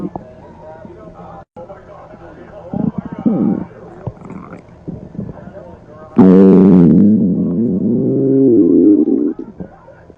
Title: Stomach Growling Vol 3